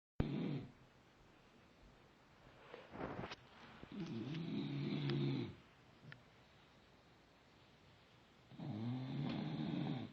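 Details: Sleeping bulldog Duke from a bulldog rescue: loud, rattling snores with quiet pauses between long noisy breaths; heavy snoring.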